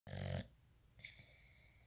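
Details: Boxer dog snoring while sleeping beside another boxer: one brief, low rumbling breath sound, then quiet room noise.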